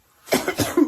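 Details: Ill adult woman coughing while packing clothes, mentions sleepless night: a short run of three or four harsh cough bursts.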